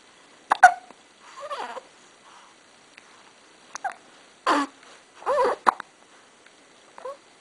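Several short, abrupt gulping sounds at irregular intervals, some with a brief squeaky voiced edge; hiccups.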